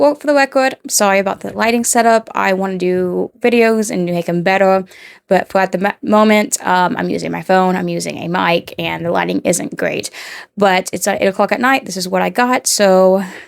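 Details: 29-year-old woman with rhotacism, a speech impediment in which she cannot produce R sounds about 95% of the time; rhotacism.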